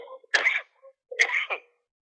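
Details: Two short, harsh cough bursts over a phone line from a 34-year-old male ophthalmologist hospitalized with Wuhan coronavirus, coughing too much and breathing too poorly to speak; hospital machines pulsing in background.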